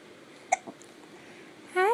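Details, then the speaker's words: Infant hiccups: a single short, sharp hiccup and soft catch, then an adult's voice; baby seated in a Bumbo seat, wearing big-boy clothes. "hi hi hi you got the hiccups"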